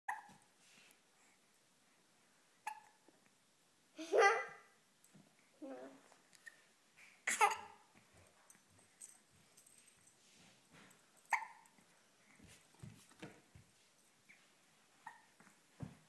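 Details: Baby (title notes possibly 5 months) with ordinary hiccups: short, sharp gulping sounds recurring at irregular intervals.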